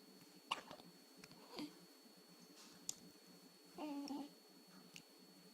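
Quiet room with a faint high hum; a few brief, sharp catches of breath spaced a second or more apart, consistent with hiccups.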